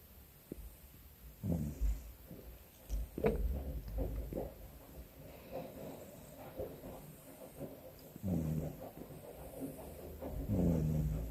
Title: Can we normalise snoring with our eyes open?